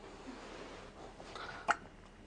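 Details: A single sharp, brief hiccup sound over quiet room noise during Christmas photos; hiccup.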